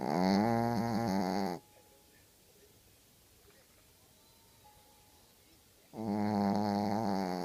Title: Snoring Dog (Matcho)